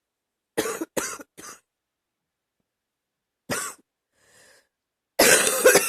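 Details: A quick run of three coughs, one more, then a longer loud cough with a loose, chesty quality; a mild productive cough recorded while sick last summer.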